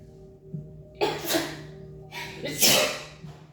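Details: Sneezing, reportedly from allergy to flowers: two sharp, forceful sneezes a second or so apart over a steady low room hum; repeated allergic sneezing.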